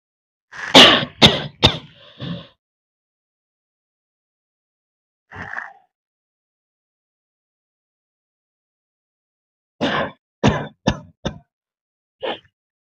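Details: About nine short forced coughs in two bursts with a single cough between, dry and throaty; acted, voluntary coughing in a cough challenge, leaving the voice hoarse.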